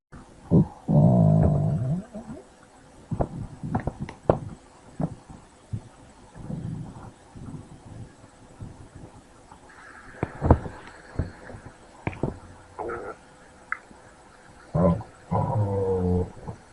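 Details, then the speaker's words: Abdominal auscultation in meteorism (excess intestinal gas with increased wall sensitivity to distension): frequent gurgles, clicks and prolonged rumbling bowel sounds. "El meteorismo es un cuadro clínico debido a un exceso de gas dentro del intestino y al aumento de la sensibilidad de las paredes de este a la distensión."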